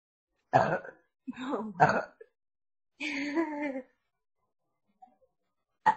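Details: Three young women burping: several short throaty bursts and one longer voiced burp in a quiet room.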